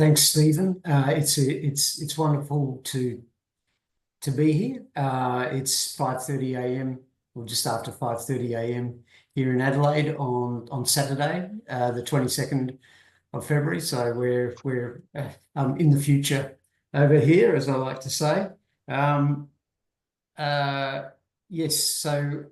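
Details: Adult man who has stuttered since he could talk, was covert for much of his life, had speech therapy from age 11, now appears largely fluent, with past anxiety disorder and panic attacks; stuttering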